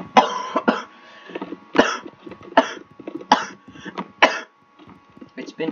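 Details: About five harsh cough bursts mixed with short speech in a small room, from someone who has been sick for about a week with an illness they say resembles COVID-19 but is not.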